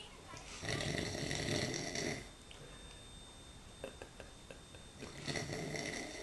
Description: Man snoring loud and waking himself up